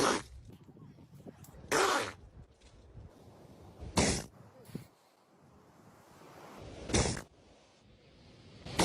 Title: Sneezing animals